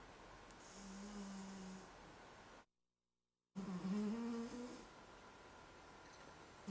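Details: Overweight cat lying asleep, a loud sleeper: two loud, droning snores on slow breaths, the second rougher and fluttering, over quiet room noise; snoring.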